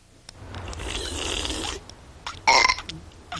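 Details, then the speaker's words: Cartoon soundtrack (The Simpsons), kids' burping contest: a drawn-out, rasping burp followed by a short loud belch. "what are you kids doing now we're having a contest mom what we're having a burp contest mom well knock it off i do not allow burping in this house"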